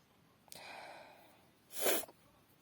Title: Wet sneezing into a tissue (F)